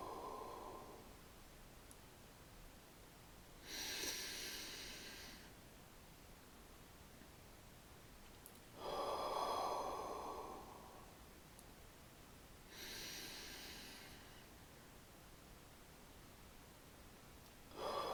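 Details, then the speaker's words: Physio demonstrating repeated thoracic expansion exercises in a real-time active cycle of breathing technique (ACBT), hands on outer ribs: long breath in through the nose, three-second hold, breathe out through the mouth; followed by breathing control, then huffs. "we then repeat our thoracic expansion exercises hands on the outer ribs long breath in through the nose hold for three seconds and breathe out through the mouth"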